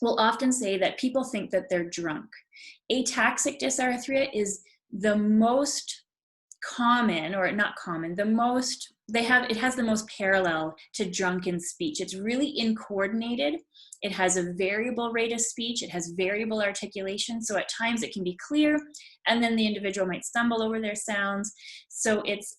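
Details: Adult female speaker; typical speech.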